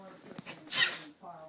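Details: A single short, sharp, hissing sneeze with a faint intake before it, from a small pet animal, in a quiet room with soft voices; sneezing.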